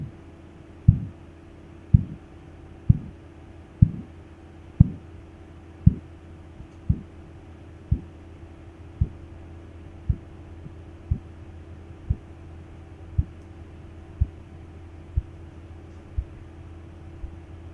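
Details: Korotkoff sounds heard under a sphygmomanometer cuff during a blood pressure reading: regular tapping beats at about 57 a minute, loud at first and fading steadily over a low hum, with the changes through phases I to IV.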